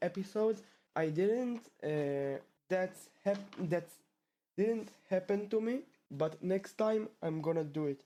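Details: Stuttering in a male 12th-grade high school student from Israel who has stuttered since about age two; the stutter returned after two years of fluency.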